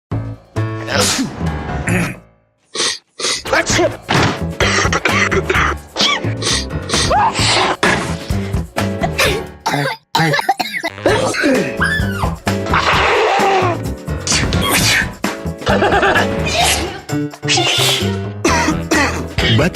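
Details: Acted coughs, throat clearing and sneezes from several adults over music in a Vicks cough-and-cold advertisement, imitating common cold symptoms; simulated cough and sneeze.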